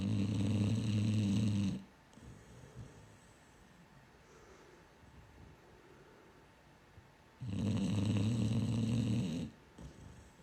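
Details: Sleeping dog that snores all night: loud, rattling snores on long breaths, two in ten seconds, with quiet pauses between.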